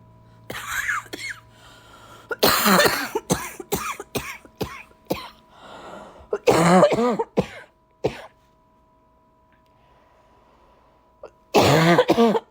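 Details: Repeated harsh coughs in several bursts with throat clearing and pauses between, in a quiet room, from a December cold when the cough was at its worst.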